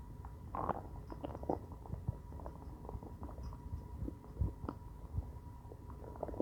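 Soft, irregular gurgles and rumbles over low background noise; stomach growling from hunger, a normal finding.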